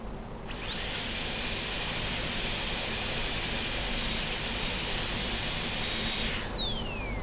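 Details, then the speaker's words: Pulpotomy demonstration on primary tooth 75 in a training model with wax simulating pulp: steady high-pitched whine of a high-speed handpiece with small round bur making the initial punch cut for access cavity preparation. "For access cavity preparation, we will be starting with small round burr for initial punch cut."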